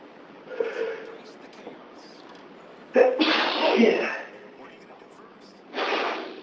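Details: A sudden, random, long sneeze attack: a few sharp, breathy sneeze bursts over quiet room noise, with a TV show playing in the background; repeated sneezing.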